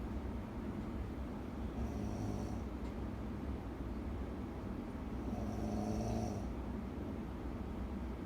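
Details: Two low rumbling snores over steady background noise from a loud snorer sleeping soundly beside a wakeful partner; snoring.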